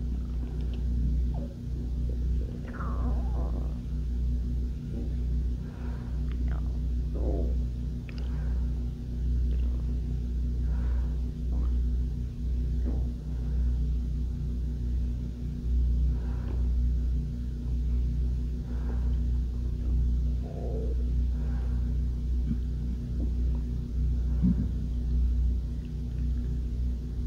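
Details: Hunger-related stomach growling: steady low rumbling with scattered short gurgles and squeaks, normal bowel sounds (borborygmi).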